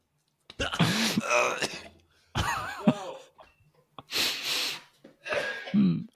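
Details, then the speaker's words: Adult man after a large spoonful of Marmite: harsh strained heaves with rough throaty bursts and gasping between them, retching into a sink and coughing from a triggered gag reflex. "I cannot tell if he likes it or not. He is retching. He is coughing."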